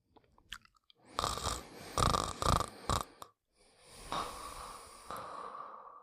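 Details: Snuffly, raspy sleeping-dog snoring with a whistly nasal edge and a long drawn inhalation.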